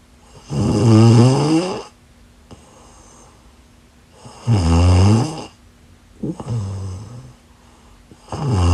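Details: Loud, rattling snores on each in-breath, about 16 a minute, with quiet pauses between; ordinary snoring during sleep.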